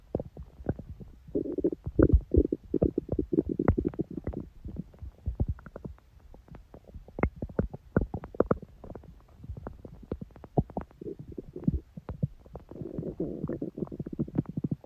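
Continuous low gurgling, bubbling and rumbling with irregular pops, normal stomach growling from gas and fluid moving through the gut.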